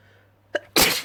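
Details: A short intake of breath followed by one sharp, forceful, wet-sounding sneeze; a single sneeze.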